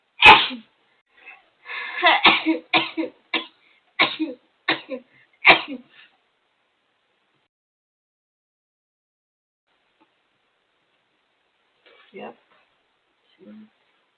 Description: Rapid sneezing attack.